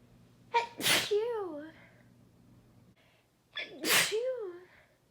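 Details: Two loud sneezes, each a sharp in-breath then an explosive burst with a voiced tail; sneezing.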